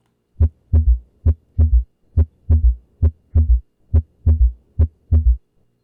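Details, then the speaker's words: Regular heartbeat near 68 a minute with an extra soft, low thud just after the second sound: third heart sound, S3 gallop, presented as usually indicating pathology. "ет вызывать 3 тонн называется третий тон как винт регулярный галоп в данном случае обязательно 3 тонн воспринимаете как именно аускультативно"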